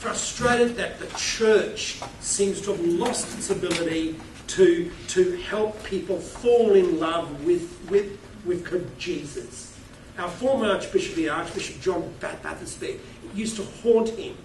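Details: Adult male keynote speaker with a self-reported stutter who finds microphones scary, speaking at a conference; word repetitions; stuttering.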